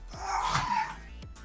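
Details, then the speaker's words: A dog gives a short, harsh, hacking cough, described as an old-man cough, heard over background game music: dog cough. "what the [ __ ] is that noise that was doggo decided to come in and cough about it oh I see oh doggo and his old man cough"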